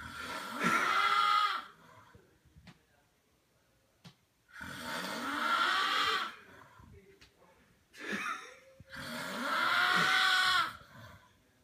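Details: Adult man snoring in sleep: loud, harsh, groaning snores on each breath, three in about twelve seconds, with quiet pauses between; heavy sleep snoring.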